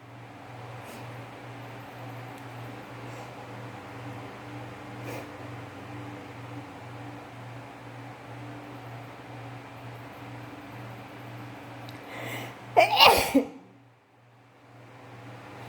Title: Loud,Wide Nose Sneezes Philippines.